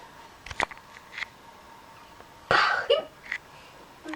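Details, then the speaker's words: Person with a bad case of hiccups, hugging a penguin toy trying to stop them: sharp brief involuntary throat sounds a few seconds apart in a quiet room; hiccups. "You want to explain what you're doing? I have the hiccups."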